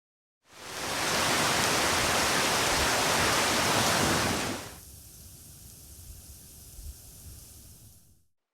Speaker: in this third example I will demonstrate somebody suffering from mid frequency hearing loss